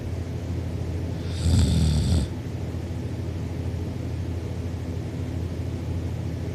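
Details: Sleeping person recorded while asleep: a loud, low rattling snore under steady room noise; snoring.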